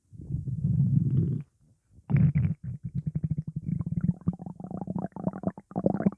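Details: Sound-effect recording of stomach growling: a low, drawn-out rumble, then a brief pause and a run of bubbly, squelching gurgles, like an upset stomach.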